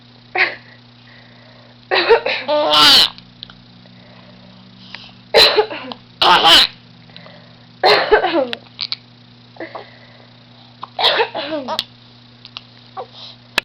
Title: Baby fake coughing funny